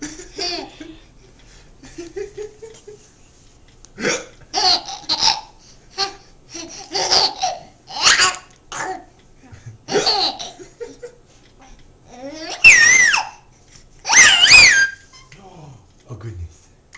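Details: Baby's hiccups, repeated short abrupt hiccup sounds mixed with bursts of baby laughter while being encouraged; ordinary infant hiccups.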